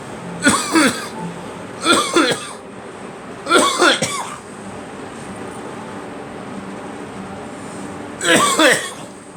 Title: Me coughing